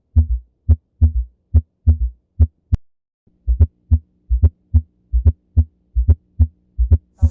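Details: Normal heart sounds S1 and S2 at the aortic area, in the second intercostal space, during a pediatric cardiac physical examination of a child.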